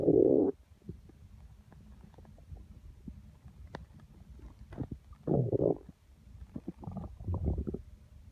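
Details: Stomach growling (borborygmi), audio only, with constant rumbling felt through the abdomen: repeated low gurgling bursts over a quiet background.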